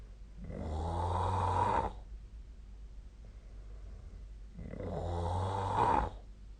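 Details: Sleep snoring recorded with the SnoreLab app: two long, rough, fluttering inspiratory snores about four seconds apart, with quiet expiration between.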